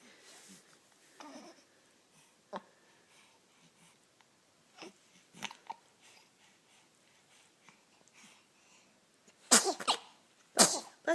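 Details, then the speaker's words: Two sharp, explosive sneezes about a second apart in a quiet room, from someone who also has hiccups. "You get hiccups and sneezes? Bless you."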